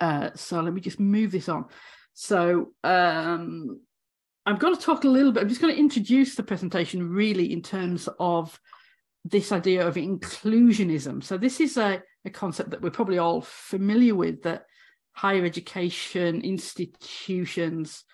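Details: Stuttering (stammering) in an adult woman academic who has stammered throughout 18 years as a higher-education lecturer.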